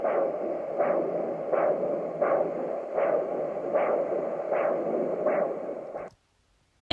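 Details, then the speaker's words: Simulated pulsatile tinnitus, heard constantly in the ear for two years, normal results after four ENT visits: rhythmic heartbeat-like whooshing pulses, about 80 a minute, over a steady hiss. "I just hear my heartbeat and usually how the best way to describe this i but if you've ever had an ultrasound of your heart the sound that it makes without within that ultrasound is the exact sound that I hear in my ear 24/7 literally all of the time"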